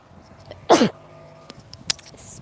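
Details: A single loud, sharp sneeze from a person outdoors on a very windy day during a live stream, with faint wind noise in the background; sneeze.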